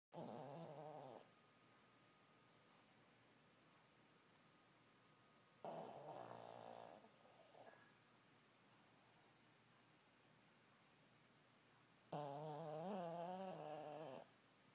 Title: Mini snoring